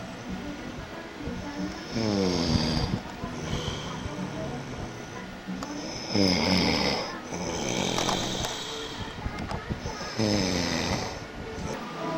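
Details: Person snoring while supposedly reading the newspaper: several rough, rattling snores about every four seconds, with loud music and talk in the background; snoring.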